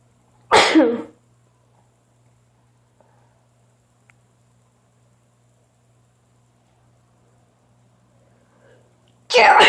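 Two sharp, explosive sneezes separated by several seconds of quiet, with a low steady hum in the background.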